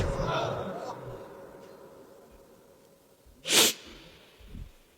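After fading room noise, an adult gives one loud, harsh snorting breath and a faint low follow-up, an imitation of snoring in a sleeper.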